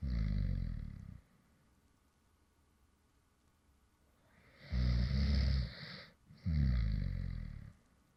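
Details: Deep, rattling snores with long quiet pauses between breaths: light snoring from a man who fell asleep while recording a previous video.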